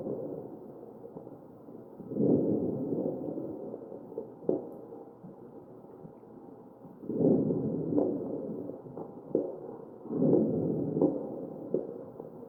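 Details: Ventilator-driven breath sounds with scattered brief popping crackles over the chest of a real ventilated patient.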